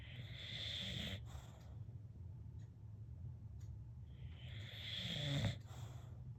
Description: Enjoy the beauty of a bulldog snoring.